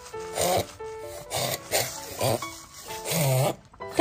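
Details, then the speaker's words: A puppy with a cold-like illness possibly linked to a sudden temperature drop, normal temperature, no purulent eye or nose discharge, eating normally, kennel cough ruled out, gives a run of short, harsh coughs with sneezing, suspected bronchitis. "小豆馅不停地咳嗽打喷嚏，它的症状像感冒了，但是又不停地咳嗽，就是这种咳嗽，你们"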